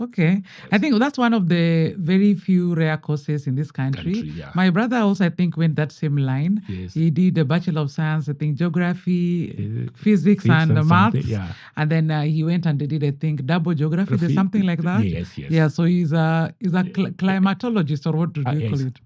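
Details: Adult speaker in interview; conversational speech.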